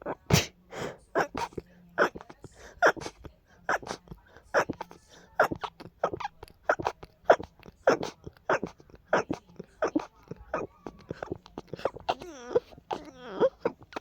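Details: Strong allergy sneezing fit: a rapid run of many short, sharp sneezes and snorts in quick succession.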